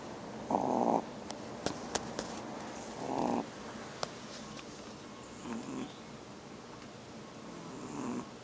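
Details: 2½-month-old tiny dog snoring: soft, short rasping breaths every two to three seconds with scattered clicks and room noise; light snoring.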